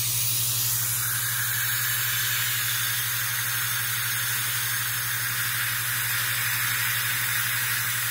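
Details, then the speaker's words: Electric dental handpiece dialed down to 20,000 rpm with a fine diamond, idealizing margins after diode laser troughing: continuous high hiss of water spray over steady low hum. "now what i've done is i've dialed down my electric handpiece to 20 000 rpms and all i'm going to do is idealize the margin"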